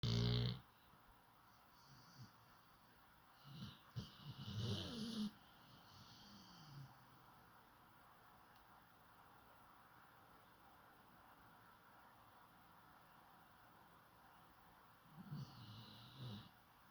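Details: A few soft, irregular, low rumbling breaths with long quiet gaps between them; light snoring.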